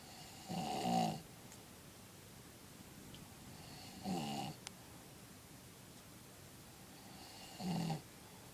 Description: My padre snoring... This is what I have to hear when I go to bed when I am with him!